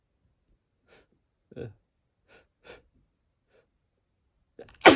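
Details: A person wearing an N95 mask whose nose pinch makes the nose itch: a few soft breathy inhalations building up, then a sharp sneeze muffled by the mask. Sneezing.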